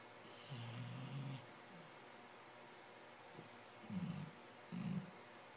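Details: Three low, rumbling snores a few seconds apart from a sleeping male dog, over quiet room noise. The owner says the nightly snoring sounds like an old man; ordinary sleep snoring.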